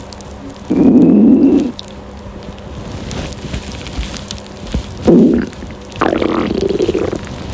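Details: Hungry girl's stomach growling from hunger: three loud, low gurgling belly rumbles with quiet gaps between them; ordinary borborygmi.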